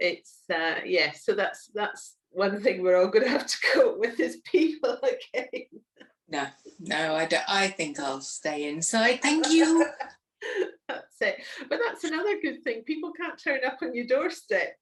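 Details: Adult woman; plain speech.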